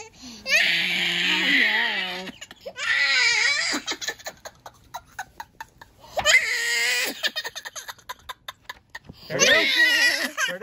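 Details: Young child crying in loud wailing bursts with sobbing breaths during ear or nose foreign body removal with a balloon extractor catheter; child crying.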